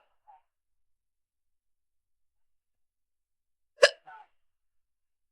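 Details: A single sharp, abrupt hiccup with a short voiced catch after it, in a quiet room.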